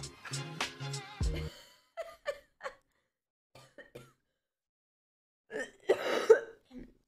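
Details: Sick adult streamer coughing: a short music sting, then a run of brief coughs and throat clears, ending with a harsher cough.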